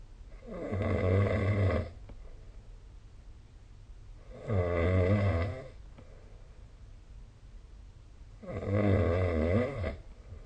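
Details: Snoring during sleep recorded with the SnoreLab smartphone app: three loud, rattling snores on the in-breath, about 15 breaths a minute, with quiet pauses.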